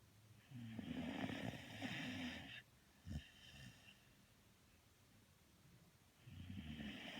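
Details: Someone snoring in sleep: two rough, rattling snores on the in-breath, separated by a quiet out-breath and a soft snort; snoring.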